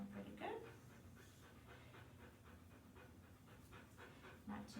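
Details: Rapid, regular panting of a large female dog heard by stethoscope during a nine-point lung auscultation, cranially and caudally, at about 220 breaths a minute. The lungs sound clear, not raspy.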